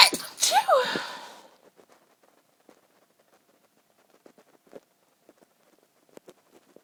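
A loud sneeze with a sharp burst and voiced release at the start, then near silence with faint small noises.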